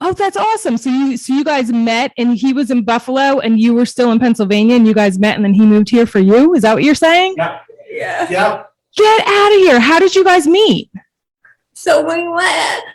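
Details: Adult host; typical speech.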